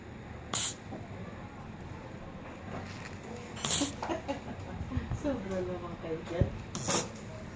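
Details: Sleeping Shih Tzu dog snoring: three short, hissing snorts about every three seconds, roughly 19 breaths a minute, with faint background voices.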